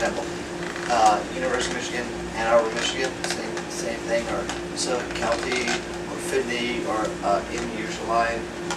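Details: Man with acquired aphasia after a 2014 left-hemisphere stroke from a torn carotid artery; initially paralyzed and speechless, right-side movement since returned; words slowly returning with ongoing speech therapy; real patient; aphasia.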